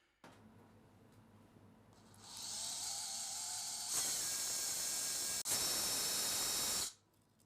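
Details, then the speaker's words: High-pitched power driver whirring, rising in pitch as a Kirschner wire is advanced through the medial cortex to provisionally fix an elevated central impaction during plating of a bicondylar tibial plateau fracture (type 41C3), educational demonstration. "The central impaction is elevated with a pusher and provisionally fixed with a kwire. The kwire is advanced through the medial cortex"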